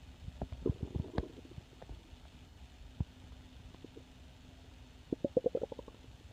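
Soft gurgles and bubbling rumbles from the belly, with a burst of gurgling near the end; normal hunger growling.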